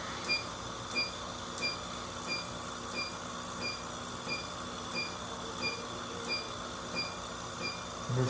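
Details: Q-switched ruby laser treating facial birthmark (Nevus of Ota) on female patient, repeated passes after gel patch: regular sharp clicks with brief tone, about 90 a minute, over steady machine hum.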